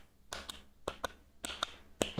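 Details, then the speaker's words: Paired taps in a steady lub-dub rhythm imitating the two normal heart sounds, lub and dub, produced by closure of different heart valves; imitated normal heart sounds in a circulatory system lecture. "और ये sound to type का होता है, the one is लब and other is dub. लब dub, ठीक है, ये टू साउंड प्रोड्यूस होते हैं और ये दोनों अलग अलग वॉल्व के क्लोज होने से बनते हैं।"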